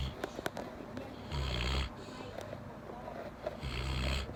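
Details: Golden retriever sleeping and snoring very loudly; deep, rattling snores with clicks and room noise between breaths.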